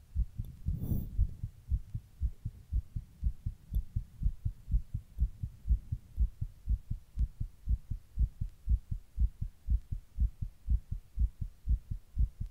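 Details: Own heart recorded while sitting in 100-degree heat during a heatwave: regular, rapid beat at about 120 a minute, steady throughout, a fast heart rate (tachycardia).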